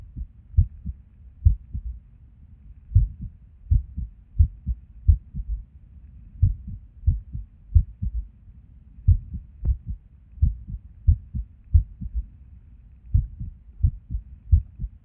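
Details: Resting heart sounds through a stethoscope at Erb's point while sitting at a desk, often skippy: low thudding beats with uneven rhythm and occasional pauses, an irregular heartbeat with skipped beats.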